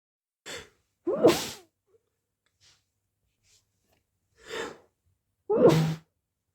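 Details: Two sneezes, each a short in-breath followed by a forceful, wet, partly muffled burst.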